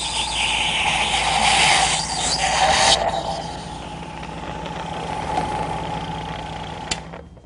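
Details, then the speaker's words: Portable suction machine in a training demonstration, clearing the tubing of mucus after oral suctioning: steady motor roar with a loud hissing gurgle as water is drawn through, then a quieter run. "When you're done, you want to clear the tubing of any mucus by suctioning the remaining"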